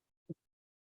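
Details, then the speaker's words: Simulated chest percussion demonstration: a single short, low, muffled thud without ringing, a dull note as over pleural fluid (effusion/hemothorax), contrasted with tympanic. "when I percuss over that area the sound is going to be dull because fluid is going to absorb the sound so that's always a really important thing to remember"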